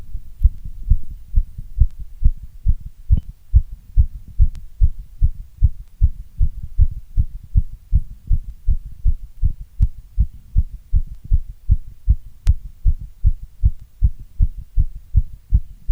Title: Strong Heartbeat sound❣️